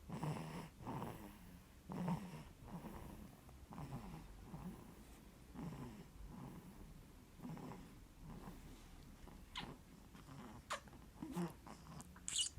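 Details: Baby snoring: snoring.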